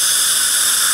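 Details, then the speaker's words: High-speed dental handpiece with an Axis Zir-Cut diamond bur, moved in circular motions, adjusting the bite on a cemented porcelain restoration after cementation; steady loud high-pitched whine with hiss. "and then just carry our Diamond bur the Zer cut in this case kind of a circular motion to maintain the natural tuth Anatomy"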